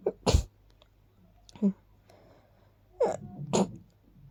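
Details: Four quiet, quick, sharp little sneezes in about four seconds through the nose in a quiet room; possibly caused by dust and pollen.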